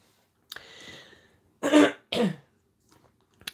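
A breathy throat-clearing sound followed by two short, loose coughs from an adult woman; a lingering cough from a cold.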